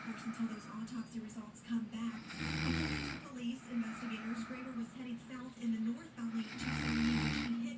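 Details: A sleeping woman snores: two loud, low, rattling snores on inhalation, about eight seconds apart, over television news talk in the room.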